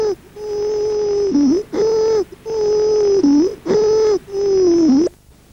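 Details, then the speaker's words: Teaching recording on respiratory examination: loud, high-pitched crowing sounds with each breath, about four cycles in five seconds, from upper airway obstruction: mainly inspiratory laryngeal stridor. "otro estor seco característico es el de la obstrucción de la vía aérea alta conocido como estridor laringo"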